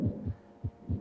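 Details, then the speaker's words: Simulated VR asthma patient with shortness of breath, stethoscope on chest: two paired low heart thumps, about 100 beats a minute, no added sounds; heart tones heard alongside inspiratory and expiratory wheezes. "you may have noticed i can also hear his heart tones but that's actually getting in the way of my assessment"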